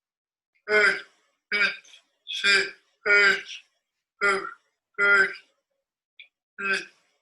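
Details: Man who had a stroke at age 30, about two years post-stroke, with rigid, tight speech musculature, reading the Rainbow Passage; spastic dysarthria.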